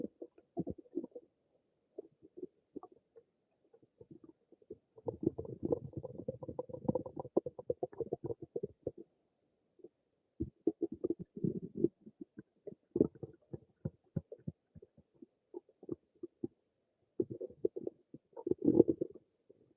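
Bursts of low gurgling and bubbling rumbles with quiet gaps between, typical active stomach and bowel noises.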